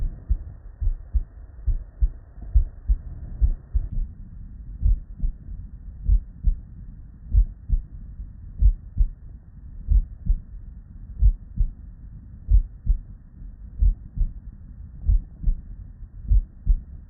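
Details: Real, unedited human heart sounds recorded at the bedside from a patient with normal cardiac physiology: regular low lub-dub at about 70/min, clean first and second sounds, no extra noises; normal heart sounds.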